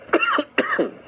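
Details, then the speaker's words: Two short, harsh coughs from an adult man with a persistent cough, each a sharp burst with a rasping tail; he says he tested negative twice. "yeah well we can see you still have a cough what did the doctors say about your own condition moving forward"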